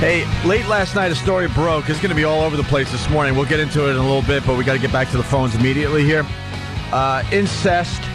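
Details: Adult male speaker; normal voice.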